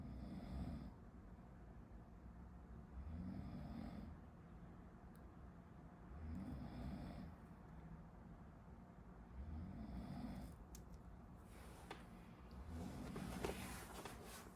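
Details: Someone sleeping behind a medical student studying, recorded as a study-with-me: low rumbling snores about every three seconds, roughly 19 a minute, over steady room noise; snoring.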